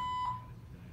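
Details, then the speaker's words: Hospital infusion pump on the arm of a patient admitted for foot surgery, beeping for half an hour with no nurse answering the call button: a single steady electronic beep in a quiet room; infusion pump alarm. "This damn thing has been beeping for a friggin' half an hour. I hit the nurse button. There's no nurse. It's constantly beeping."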